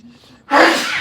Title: The Sneeze that Never Ends Might Confuse You